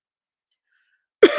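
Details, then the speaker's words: A single abrupt cough burst after a second of silence, cut off at the end, from an adult woman who says she is wheezing a bit, unusually for her; no wheeze audible. "excuse me again I'm weezing a bit it's not normal for me okay to be doing that right now"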